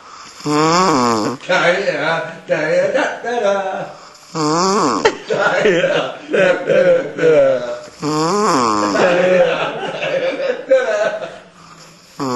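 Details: Loud, rhythmic, voiced rumbling snores with a rising-falling groaning pitch, said to sound like the Roobarb and Custard theme tune; about six cycles, some with snorting on the out-breath; snoring.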